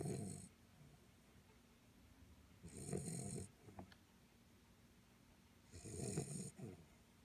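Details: 10-week-old guide dog puppy asleep: soft rhythmic snores about 20 a minute with quiet pauses between; ordinary, harmless puppy snoring.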